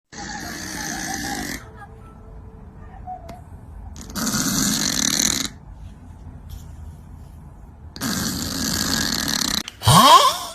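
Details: Heavy snoring: loud, harsh snoring breaths separated by quiet pauses, with a brief burst of other sound at the end, from a comedic snoring compilation.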